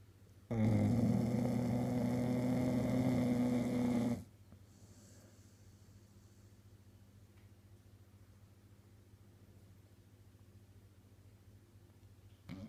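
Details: One loud, rough, rattling snore lasting several seconds, then quiet room noise: snoring.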